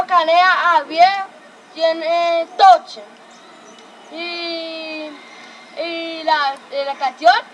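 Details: Child aged 12–13 with a cochlear implant (one child profoundly deaf, implanted at 4; the other severely hearing-impaired, implanted at 11), introducing self or singing; difficulty producing some consonants and words; speech of a child with a cochlear implant.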